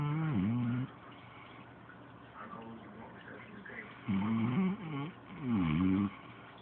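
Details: Snoring from a 7 lb Chihuahua, described as remarkably loud for the dog's size.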